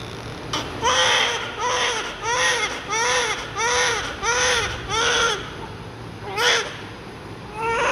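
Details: Newborn baby crying loudly during a diaper check: loud rhythmic crying, about eight cry bursts with brief breaths between, fading then resuming; normal newborn cry.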